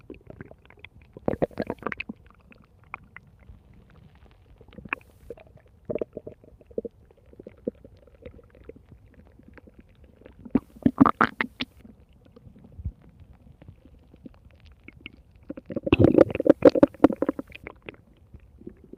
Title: Lupi's stomach growling in 3 minutes 5 seconds